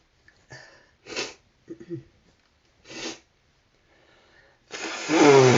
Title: Gotta sneeze.....